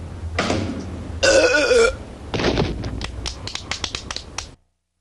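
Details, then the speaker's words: Cartoon burp contest between kids, mother forbidding burping: a long, loud, throaty belch with rising and falling pitch, followed by lower rumbling sounds; burping. "What did I say about burping? I said no burping. And when I say no burping, what do I mean?"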